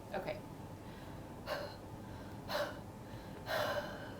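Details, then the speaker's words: A bronchiectasis patient does huff coughs during airway clearance, after prolonged exhalations and OPEP device use: four short, forceful open-mouth breathy exhalations over room noise; huff cough. "Okay? Okay. So let's try your, huff cough."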